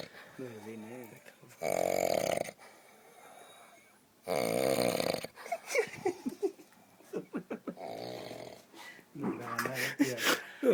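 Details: Heavy, loud, rattling snoring on in-breaths from a sleeper outdoors in a forest at El Rocío, with people talking quietly nearby.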